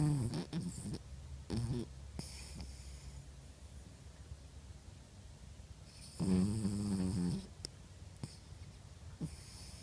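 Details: Rough, low rattling snores on the in-breath, two bouts with quiet breathing between, faint room noise; snoring during sleep.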